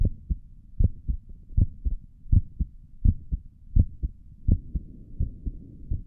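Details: ASMR recording of the creator's own heartbeat through a stethoscope on the chest, stomach gurgles also present: clear, regular, deep, muffled lub-dub at about 82 beats a minute; normal heart sounds.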